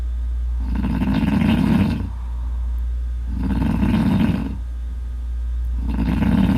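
Three deep, rumbling, vibrating snores on slow breaths, about two seconds each, over a steady low hum. Loud snoring.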